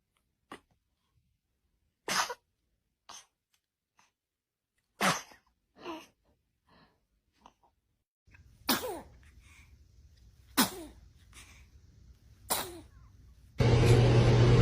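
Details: Babies have sneezing attacks: a series of small, sharp infant sneezes, some with a brief squeaky voiced tail, ordinary reflex sneezing.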